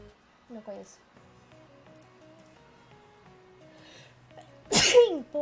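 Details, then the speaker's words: Sneezing from an allergic streamer who says they are about to sneeze again: soft background music, then one loud explosive sneeze near the end. "Vou espirrar de novo, não é possível."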